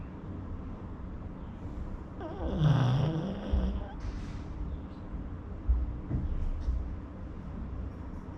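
A low, rumbling snore with a snorting breath and soft snuffles, over steady background hum.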